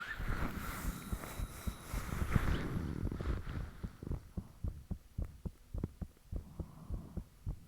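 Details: Own heartbeat self-recorded with the fan off, shortly after the heart began feeling very thumpy; valve and blood-rushing sounds noted. After a rush of noise, soft regular thumps at about 110 a minute, somewhat fast.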